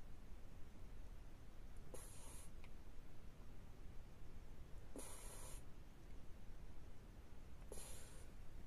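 Three soft, hissing breath noises recur about every three seconds, roughly 20 a minute, over steady low background rumble: snoring from a sleeping cat.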